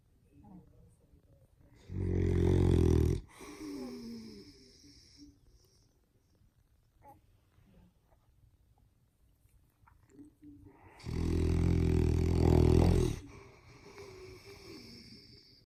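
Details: A 6-month-old male boxer puppy asleep gives two loud, rough snores about nine seconds apart, with quiet breathing between them, keeping his Yorkie sister awake; snoring.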